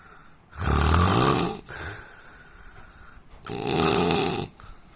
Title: Indian man snoring sound